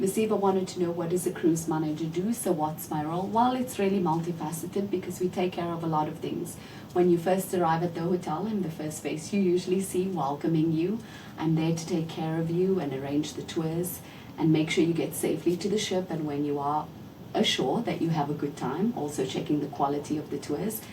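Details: Adult woman speaking; ordinary speech.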